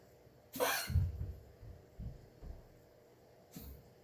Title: Morena coughing- June 1, 2021. 8:08 am